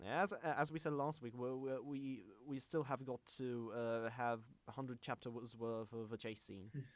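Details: Self-described stammering male podcast host whose show combines a podcast with speech therapy; stuttering.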